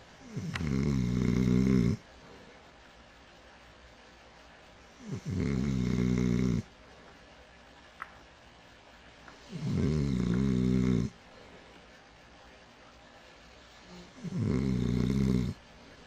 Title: A Smooth Sexy Snore Treat